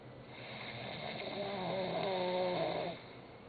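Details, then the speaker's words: Sleeping Turkish man snoring "like a horse", checked again as he keeps snoring: a single drawn-out, tonal, droning snore building then fading, with faint room noise. "I think he's snoring again let's check"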